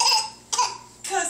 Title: Funny baby fake coughing too cute!!